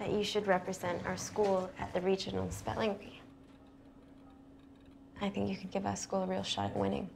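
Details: Adult woman, acted scene; typical speech.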